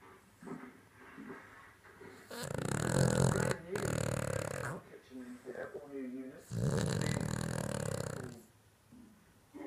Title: My dog gracie snoring